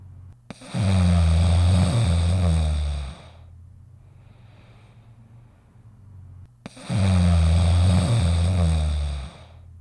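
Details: A dog sleeping in a doghouse gives two long, deep, rumbling snores about six seconds apart, with quiet breathing between them: snoring.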